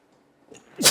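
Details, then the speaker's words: Adult's second sneeze in a row, unusual as they say they are not a double sneezer: a quiet catch of breath, then a sudden explosive sneeze burst cut off at its peak. "That's rare. I'm not a double sneezer."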